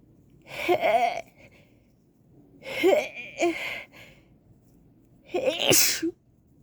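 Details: Person feeling sick with suspected allergy: three forceful sneezes in quick succession, each with a sharp inbreath and explosive burst; allergy sneezing fit.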